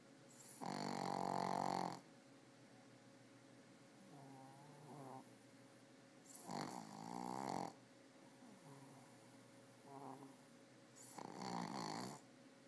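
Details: A female dog snoring: repeated buzzy, rattling snores on each breath at about five breaths a minute, with softer whistling exhales between.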